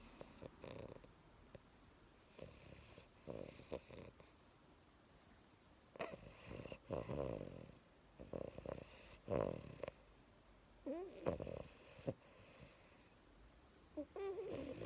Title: Bulldogs don’t grow out of snoring